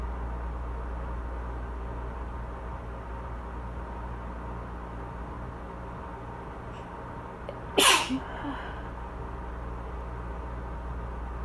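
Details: An adult with asthma and seasonal allergies in a southern spring gives a single sharp, explosive allergic sneeze over a steady low hum from a loud air conditioner, amid coughing fits and watering eyes.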